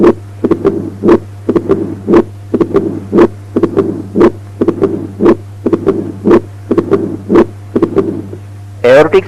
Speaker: Mitral stenosis at the apex with a loud S1, opening snap, low-pitched mid-diastolic murmur with pre-systolic accentuation.